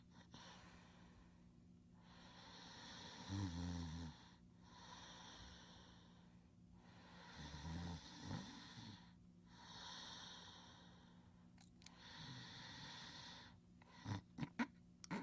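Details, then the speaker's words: Slow breaths with rough, fluttering snorts on the in-breath, several cycles over fifteen seconds, from a sleeping pet; snoring. "Marcelina, he's sleeping. Oh, she's hearing that snoring."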